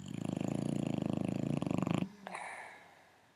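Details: Boxer rescue dog in foster care snoring while asleep: a fast, fluttering rattle for about two seconds, then a soft sigh; snoring.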